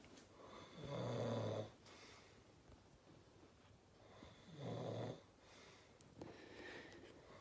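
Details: Drunk man asleep fully clothed, snoring: loud, rough snores on the in-breath, about two in seven seconds, with soft room noise between.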